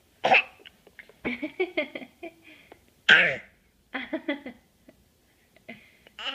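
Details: A 9-month-old infant makes two short, deliberate cough-like bursts with babbling between them; a playful voluntary fake cough.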